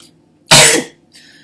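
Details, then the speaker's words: A woman with recently diagnosed Tourette syndrome and a chronic cough of about 1.5 years: one sudden, harsh cough burst between quiet stretches, a vocal tic cough. "at my body was like oh she figured out the cough let's start some extra things in there"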